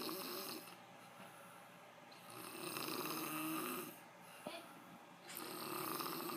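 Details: Rough, rattling snores on inhalation alternating with quieter exhalations from a sleeping adult man; snoring.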